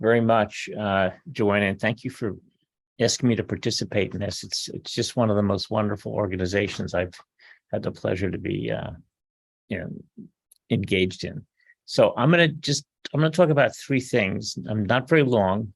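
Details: Adult man; normal speech.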